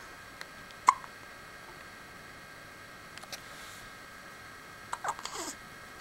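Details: One sharp, abrupt hiccup sound, then faint softer clicks and a brief rustle in a quiet room; hiccups.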